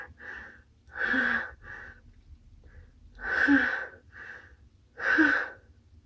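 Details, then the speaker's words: Repeated sharp, voiced catching breaths, about three big gasps with softer breaths between, as a person builds up to a sneeze and says they are going to sneeze again; gasping. "Phew. I'm gonna sneeze. Phew. I'm gonna sneeze again."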